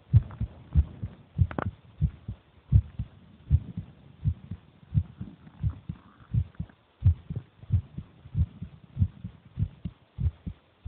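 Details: Brother's heartbeat recorded while he is eating: steady low thumping beat, about 95 a minute, faint chewing noise in background; heartbeat.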